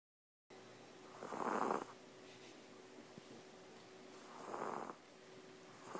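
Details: Slow, snuffly, snore-like breaths about every three seconds over a steady hum: a relaxed, resting chihuahua's noisy heavy breathing.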